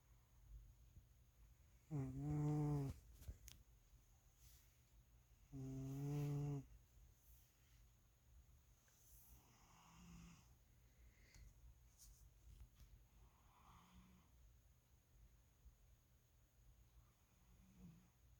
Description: Out of the cats I have, Chowder snores the loudest when he's having a good nap